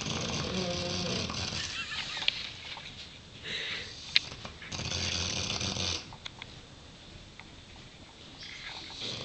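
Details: A Neapolitan Mastiff and a Dogue de Bordeaux snoring, as they do every evening: loud, harsh, honking snores with rattling breaths and brief quieter gaps.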